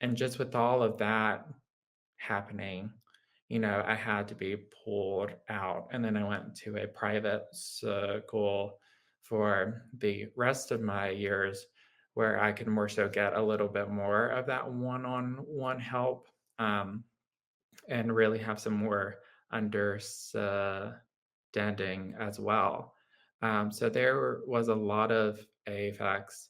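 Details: Adult man with lifelong childhood apraxia of speech, a neurological motor speech disorder affecting motor planning, rate and fluency: childhood apraxia of speech.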